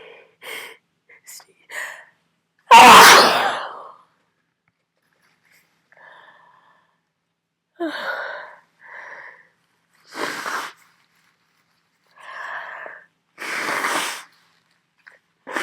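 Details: Several sharp, forceful sneezes with short breathy intakes between them, part of a repeated sneezing bout during a cold, counted to around 40 sneezes.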